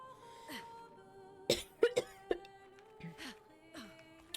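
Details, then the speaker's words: An adult streamer coughs into the microphone during a live gaming stream, then apologizes for coughing in listeners' ears; an ordinary cough. "I'm sorry. I'm just coughing in your ears. How rude of me."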